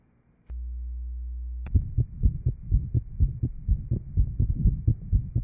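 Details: 1955 Johns Hopkins heart sound laboratory recording of an interventricular septal defect after pulmonary artery plication (banding), at aortic, pulmonic, lower left sternal border or apex areas: rapid, regular heart sounds with a rough murmur filling the beats.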